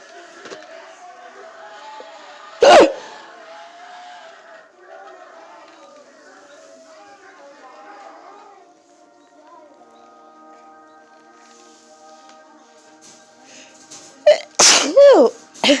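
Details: A single loud sneeze from a person who has had hiccups for several minutes, then a later cluster of loud vocal bursts over quiet background music. Sneeze.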